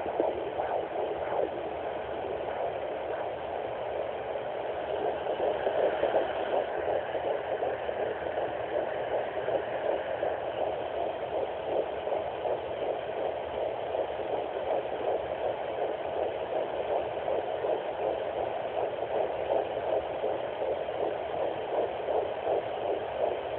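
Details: Fetal heartbeat on Doppler at 11 weeks of pregnancy: rapid, steady whooshing pulse at about 160 beats a minute, sounding normal.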